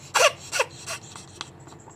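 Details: Ferret with coughing attacks 2–3 times daily for two years, undiagnosed after X-ray and ECG: three sharp, harsh coughing bursts, then fainter choking sounds and snuffly, very heavy breathing; coughing and choking episode.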